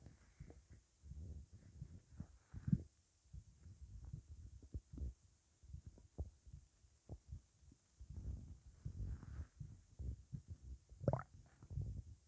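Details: Upset stomach rumbling after eating pizza, with gassiness: low, bubbling gurgles and rumbles in irregular bursts and pauses, as gas and fluid move through the bowel (borborygmi).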